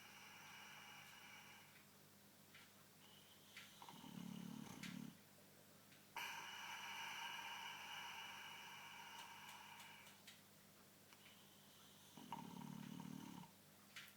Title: Boxer snoring loud